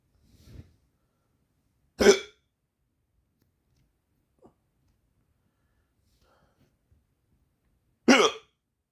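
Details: Person with repeated hiccups while trying to sleep: two sharp, abrupt gulping hiccups about six seconds apart, with quiet between them.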